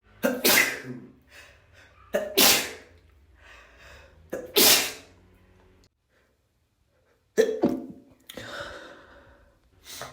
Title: 2 much chinikkni = congested messy sneezes